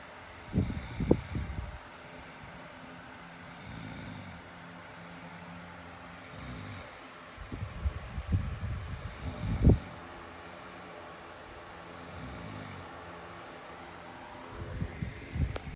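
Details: Snoring: rhythmic low rattling snores with airy whistling on each breath, roughly 20 a minute, with a few louder snorts and knocks.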